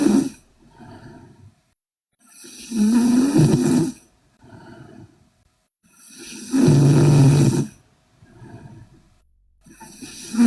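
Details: Sleeping Korean girl snoring loudly: rattling snores on each in-breath with quieter out-breaths, about 16 breaths a minute.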